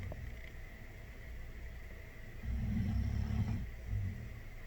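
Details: Sleeping dog snoring.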